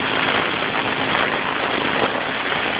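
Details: A steady mechanical hum and hiss from a running nebulizer compressor during a girl's breathing treatment for cough, with a fire-truck-style mask or nebulizer.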